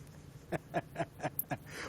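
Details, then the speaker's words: Adult woman on a podcast call who has not eaten all day: five quick, evenly spaced low gurgling croaks; stomach rumbling from an empty stomach, normal borborygmi. "Can you guys hear my stomach rumbling? I don't know if you can hear it. That's what that was?"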